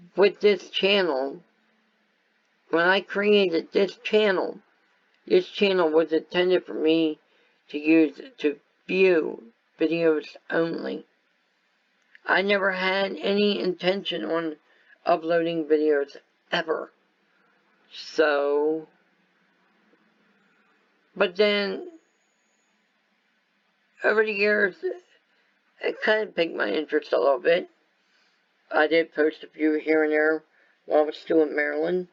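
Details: Adult male whose viral meningitis with very high fever at about six weeks old affected walking, talking, eyesight and hearing; lifelong speech impairment after infant meningitis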